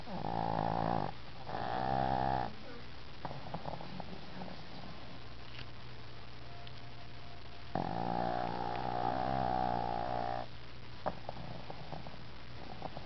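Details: Dog taking a deep afternoon nap, snoring very hard: two loud, rattling, buzzing snores on the breath in, with quiet breathing between them and faint room noise.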